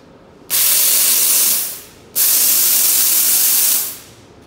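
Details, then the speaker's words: Desktop steam cleaner for dental products or jewelry cleaning, 2L or 4L model at 5–6 bar pressure, gives two loud, abrupt hissing steam bursts of over a second each, sprayed hands-free with the foot pedal. "you can continue to spray until the steam go exhaust out then you can put it into here"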